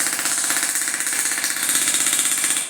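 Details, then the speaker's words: Shockwave therapy handpiece in operation on the feet, moving out to the toes, of a neuropathy patient to break up adhesions: rapid, steady mechanical tapping with a harsh buzzing edge. "These are sound waves. Not much of a shock, it's sound waves. That's what we call shockwave therapy. We're busting up adhesions in the feet."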